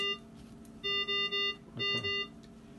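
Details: A short series of bright electronic beeps from a GE Carescape ventilator during its pre-use setup and system check; setup confirmation beep.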